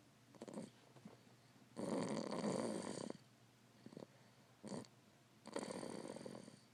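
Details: Harsh, noisy snoring breaths, some long and some brief snorts, with quiet pauses between during sleep; ordinary snoring.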